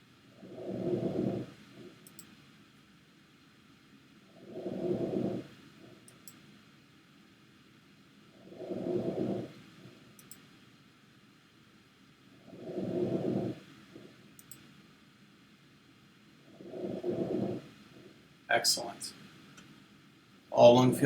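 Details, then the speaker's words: Normal clear breath sounds auscultated over the posterior lung fields, clockwise: soft, even breathing about 15 a minute, no wheezes, crackles, rhonchi or coarseness. "we're going to go ahead and auscultate in the same fashion clockwise foreign keeping in mind that we're listening for any wheezes bronchi crackles coarseness"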